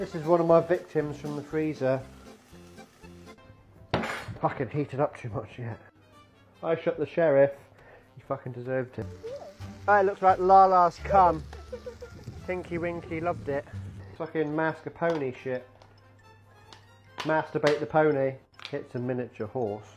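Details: Person with Tourette syndrome and other disabilities speaking, edited with music and sound effects; Tourette syndrome vocal tics.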